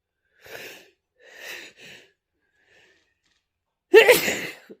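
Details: Sneezing fit, reportedly occurring every day: several sharp inward breaths building up, a short pause, then one forceful explosive sneeze; sneeze.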